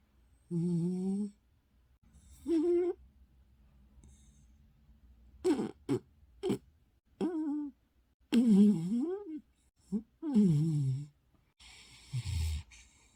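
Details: Irregular, drawn-out tonal snores with a moaning, almost sung quality, separated by quiet pauses: an adopted rescue dog snoring in its sleep.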